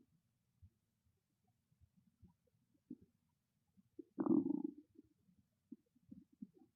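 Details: Loud hunger-related stomach growling: scattered soft gurgles and one louder rolling growl from the belly, borborygmi.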